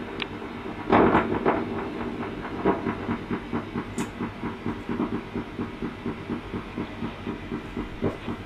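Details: Needle EMG in an adult man in a clinical study of faster diagnosis for suspected motor neuron disease: rapid, regular crackling pops over a hiss, like frying, identified as positive sharp waves.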